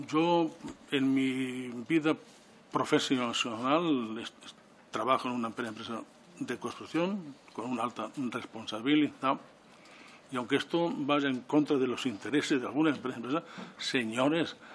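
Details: Adult man who stutters, speaking publicly in person before a parliamentary disability commission; he says stuttering makes him take longer to say things than to think them; stuttering.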